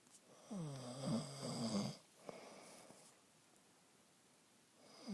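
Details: Man snoring at night, recorded on his phone: a loud, rough, fluttering snore on one breath in, then quiet breathing, with a softer snore beginning at the end; snoring.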